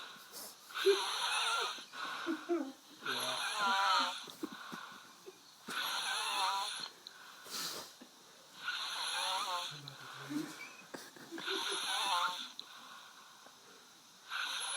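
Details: Sleep recording of snoring: rhythmic snores with a whistly, wheezy edge on each breath, about 22 breaths a minute, over faint room noise.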